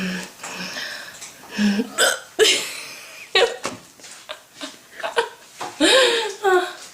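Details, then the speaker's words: Sharp, abrupt hiccups from a young woman recurring between brief vocal sounds and laughter; she calls her persistent hiccups dramatic. "give up you still have the hiccups they're so dramatic i have dramatic hiccups"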